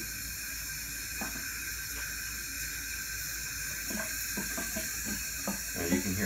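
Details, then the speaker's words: Large-volume cool-aerosol jet nebulizer with water poured into the tubing to simulate condensation: steady jet hiss with irregular bubbling and gurgling, jet noise changed, creating back pressure in the system. "gurgling and the noise of the jet changed as well there's a very different sound here now what this will do is create back pressure in the system"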